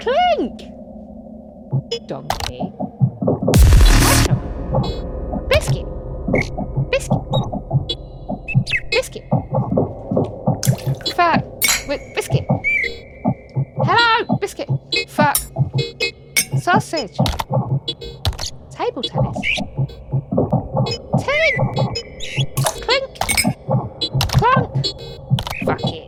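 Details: Adult woman with Tourette syndrome, diagnosed in her early to mid 20s and a wheelchair user, with frequent involuntary vocal tics and coprolalia. The finding is vocal tics of Tourette syndrome.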